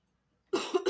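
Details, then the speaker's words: Silence, then one short, harsh cough burst with a quick follow-up, from an adult recovering from illness who is feeling better but has a lingering cough. "I think I'm gonna have to invest in some cough medicine it's not good"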